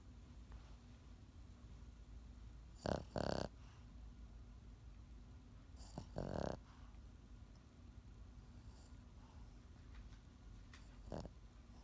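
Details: A Pekingese dog snoring: short, rough, snorting breaths a few seconds apart over a steady low room hum.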